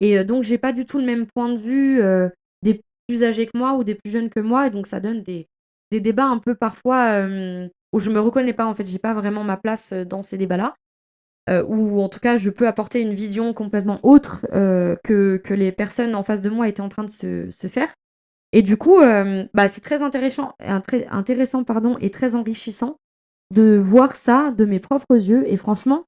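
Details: French-speaking woman who says she currently stutters a lot because of heavy fatigue; word repetitions heard; finding: stuttering.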